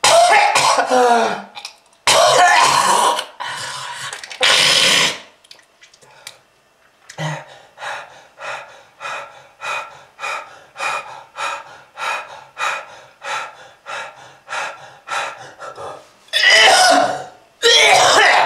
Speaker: ah that red color is not from fruit punch kids if you want this Sten to you just keep smoking this is lung disease